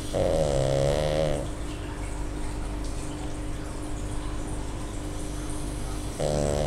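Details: Tired pug snoring in her sleep: loud, rough, buzzing breaths in a slow rhythm, the fluttering noise of a small flat-faced dog.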